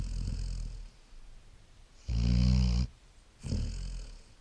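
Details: Sleeping Great Dane puppy snoring: deep, rumbling, fluttering snores, each under a second, with quieter breaths between; snoring.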